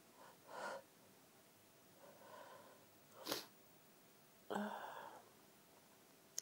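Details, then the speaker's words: Repeated sneezing fit with quiet build-up breaths then two sharp sneezes a second apart in a small room; the urge to sneeze keeps going away between bouts. "need to sneeze and it keeps going away. Really annoying."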